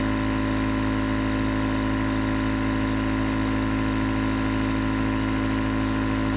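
Steady, unbroken mechanical hum and buzz of a running nebulizer compressor, used as constant background noise.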